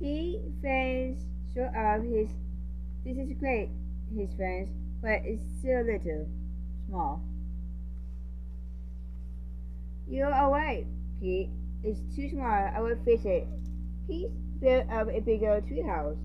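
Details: Speaker with a self-reported speech impediment reading a children's picture book aloud; speech sound disorder with articulation errors.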